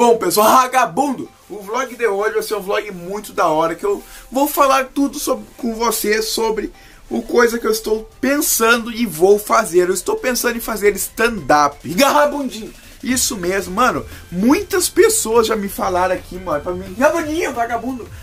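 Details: Young man speaking Portuguese with Tourette syndrome; words interjected mid-sentence as vocal tics; Tourette syndrome vocal tics.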